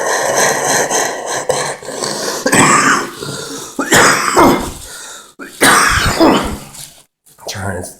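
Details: Adult who says he is sick and can't sleep: several harsh, throaty bursts of coughing and throat clearing with grunting sounds in a small room; a rough, irritated cough.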